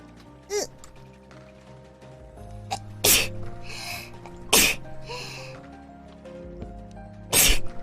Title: sneeze 6 consecutive [ hololive / vtuberen ]